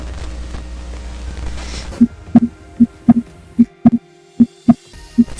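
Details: Normal heart sounds on stethoscope auscultation at the pulmonary focus, left second intercostal space, parasternal line, in a medical-student physiology demonstration: crisp, regular lub-dub, about 80 a minute, no added sounds.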